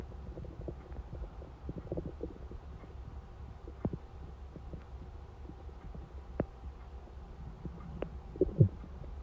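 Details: Borborygmi.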